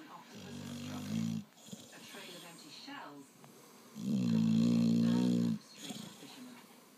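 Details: Dog snoring while fast asleep: low rumbling snores, one long and loud, softer snuffly breathing between.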